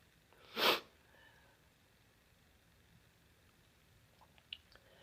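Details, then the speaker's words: Single sharp tickly sneeze from an adult who feels a tickle and thinks they might be coming down with something, then quiet room noise; sneeze. "That felt good. Oh, bless me. Oh, I got a tickle. Oh, it's stuck in there."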